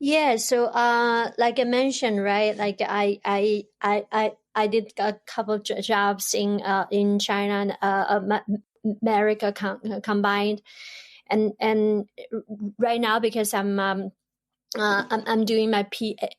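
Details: Adult woman, a doctoral student who grew up in China, where her stutter was unacknowledged and unsupported; she long hid it before embracing it; stuttering.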